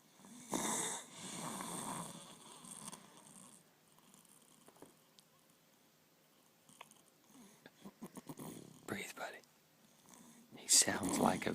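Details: Snoring: harsh snorting breaths with whispered talk nearby, then quiet stretches and a loud snort near the end, from a sleeper the recorder likens to a vicious animal.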